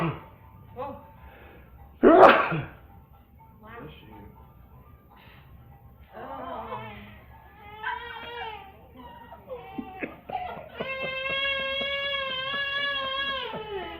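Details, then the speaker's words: Single loud, explosive sneeze, followed by quiet talk and a young child startled into whimpering and then crying; a single sneeze. "that was too loud too loud said that made that made y'all cry when you were little"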